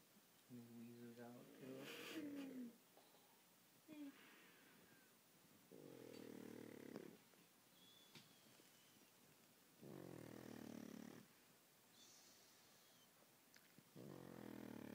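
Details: Pug (short-nosed dog) sleeping: loud rattling snores about every four seconds, roughly 15 a minute, with quieter breaths between; snoring.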